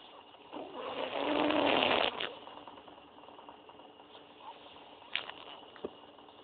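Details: One loud, rattling snore on breathing in, then quieter breathing with small clicks.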